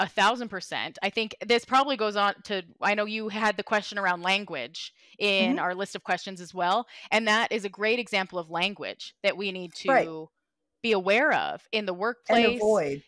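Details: Adult woman speaking; no speech disorder.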